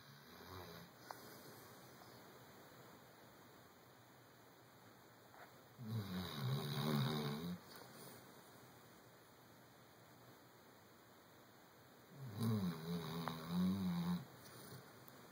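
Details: Sleeping chocolate Labrador dog: slow, loud, humanlike snoring, about one snore every six seconds, over steady room hum: snoring.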